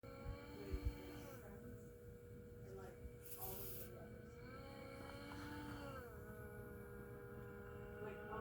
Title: Whirring noise on cpap machine